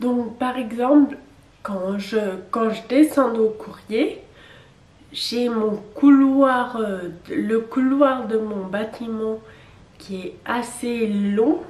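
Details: 27-year-old woman with Friedreich's ataxia, a genetic neurodegenerative disease, which she says makes her speak neither very fast nor very loudly; ataxic dysarthria.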